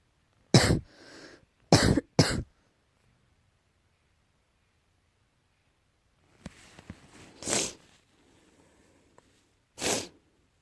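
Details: Five sharp, harsh cough bursts from a cat in two clusters, separated by quiet stretches with faint rustling; repeated coughing, tagged allergy.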